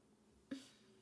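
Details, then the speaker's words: Adult's stomach growling (borborygmi): a brief, low, pitched gurgling rumble that rises and fades against quiet room tone. "Did you hear that? Did you guys hear that? My stomach is growling."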